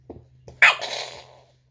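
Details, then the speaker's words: Cat sneezing, deliberately provoked with a toothbrush: a quick intake followed by one sharp, hissing burst of air, a single cat sneeze, with a faint hum in the background. "Hey guys, today you're gonna see my cat sneeze with this."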